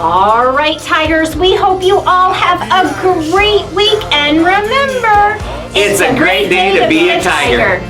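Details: Young speaker, likely a child, with music; Normal speech.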